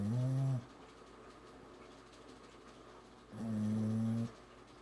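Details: Two low, droning snores about three seconds apart with quiet breathing between, from a sleeping female dog: snoring.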